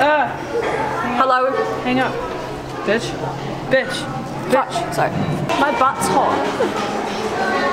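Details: Person with Tourette syndrome in a public setting, with sudden swearing and interjections; vocal tics (Tourette syndrome).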